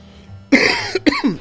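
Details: Cough.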